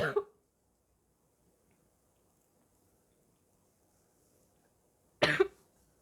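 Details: Adult who says they are very sick: two short, harsh barking cough bursts, the second a double hack, separated by several seconds of quiet.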